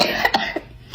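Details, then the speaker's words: Two quick, light coughs in close succession fading into soft breathing; a brief dry cough described by the person as weird. "I have a weird cough."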